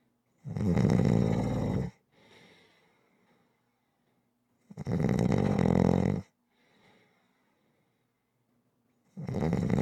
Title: Snoring Sounds Rhythmic